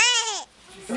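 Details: Newborn granddaughter startles when great-grandfather clears his throat, sneezes, then cries: a single loud, high-pitched wail falling in pitch, a brief quiet gap, then another cry begins.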